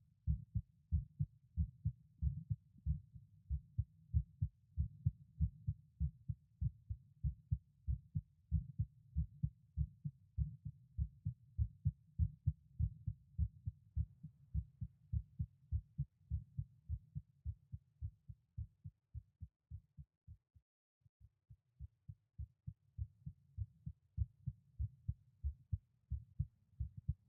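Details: Normal heart sounds from an adult man at rest, recorded through a stethoscope at each auscultation point: steady low lub-dub thumps with brief pauses as listening points change.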